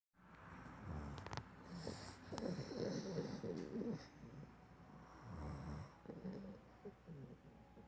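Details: Soft, irregular snuffling and rumbling snores with some snorting, over room noise; snoring.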